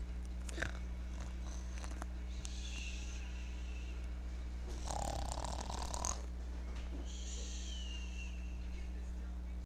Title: Baby snoring baby snore forever